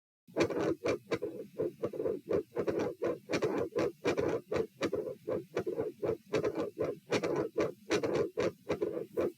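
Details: Heart auscultation at position A during a posture stress test (lie, sit, stand, sit, lie; 84-90-102-84 bpm): regular beats with a mid-systolic sound, a murmur at S2 and a split S2.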